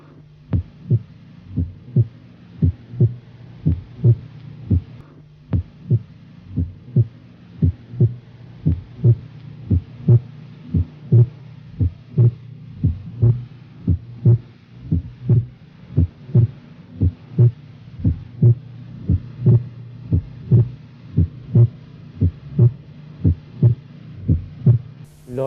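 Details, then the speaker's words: Recording of normal lub-dub heart sounds near 58 a minute, with physiological splitting of the second sound on inspiration from delayed pulmonary closure, best heard at the 2nd–3rd left intercostal space. "os ruidos cardíacos y el desdoblamiento fisiológico del segundo ruido con la inspiración dado que ello se debe al retraso del componente pulmonar de este ruido"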